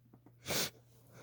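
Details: Female, induced wet sneeze: short in-breaths followed by one forceful, hissing burst of air, a single sneeze; sneezing.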